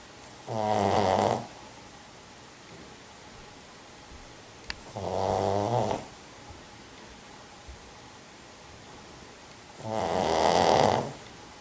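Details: Pug dog (Jack) snoring: three loud, rattling snores on inhaled breaths, about 13 a minute, with quiet pauses between; owner thinks he needs a sleep apnea study.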